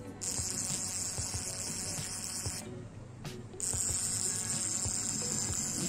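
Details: CO2 laser scar removal on skin under local anesthesia, heat described as tolerable: a high steady hiss with rapid faint ticking pulses and a brief pause. CO2 laser resurfacing device in operation.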